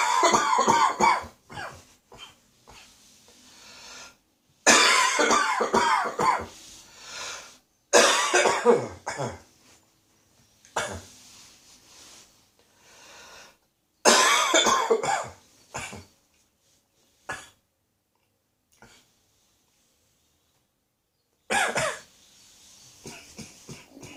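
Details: A spring cold cough moving deeper into the throat, which may reach the chest in a couple of days. Repeated harsh coughing fits with throat-clearing sounds; a common cold cough settling in the throat.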